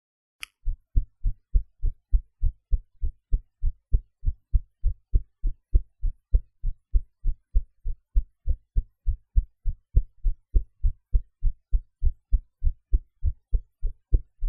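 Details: Own heartbeat recorded after eating in a different posture from usual, edited to cut noise: steady, regular heartbeat at about 100 a minute with clear low thumps and no added sounds, normal heart sounds.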